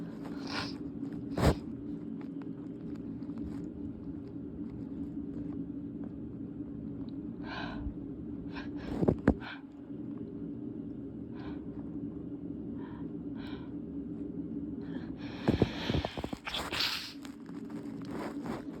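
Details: Night-time held-back, stifled sneezes kept quiet: a few brief, muffled bursts over steady low room hum rather than full open sneezes.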